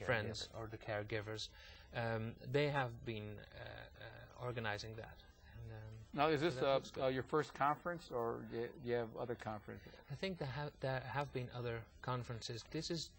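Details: Adult man with aphasia after a massive stroke 15 years earlier at age 39; eight years of twice-weekly speech therapy until a plateau; aphasia.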